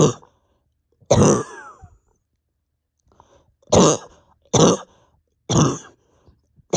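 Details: Adult cough, reportedly with pain deep in chest and stomach, unrelieved by bronchodilator, after 32+ hours without sleep: about five harsh, forceful, dry, effortful coughs in short separate bursts with pauses.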